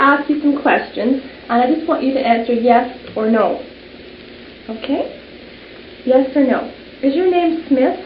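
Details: Adult examiner; normal speech.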